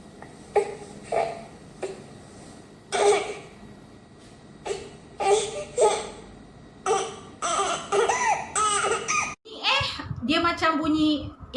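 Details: Infant making short repeated "eh" fussing sounds, a need-to-burp cry from trapped air in the abdomen.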